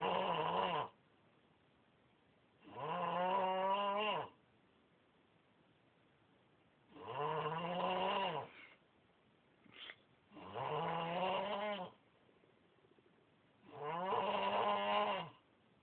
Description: yes a fat kid snoring